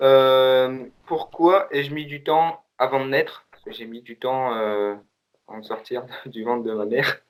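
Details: 17-year-old male who reports that he often stutters when speaking; stuttering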